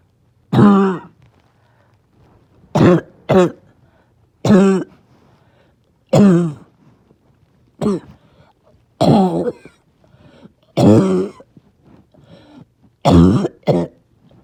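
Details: Repeated harsh, loud barking coughs from an adult, about nine bursts with brief gasps between, trying not to choke: barking cough.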